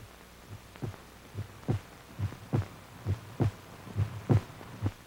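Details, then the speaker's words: Regular paired low thumps of a human heartbeat, about 70 a minute, over a faint hum, in a 1942 RCA promotional film on the electrocardiograph detecting heart ailments. "helping to safeguard the nation's health is the electrocardiograph detecting heart ailments giving the doctor a written record enabling him to see as well as hear the beat of the human"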